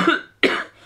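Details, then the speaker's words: Cough from an adult with a cold, a creaky throat and a lost voice. "I still got a creaky throat and I still got a cold"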